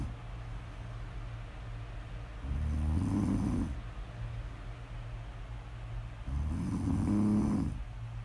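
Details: Snore audio recording: two rough, vibrating snores on the in-breath, about four seconds apart, against a low room hum; snoring.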